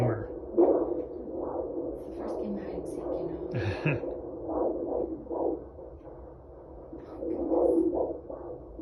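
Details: Fetal heartbeat on Doppler at 18 weeks pregnant during a birth-center ultrasound visit: rapid, rhythmic whooshing pulses with a brief swishing shift midway.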